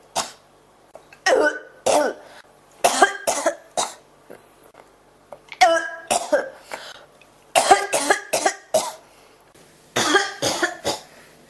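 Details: Persistent cough that won't stop: repeated short, harsh coughs in clusters of two to four with brief pauses, about fourteen bursts.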